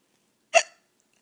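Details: A single abrupt, sharp hiccup in silence.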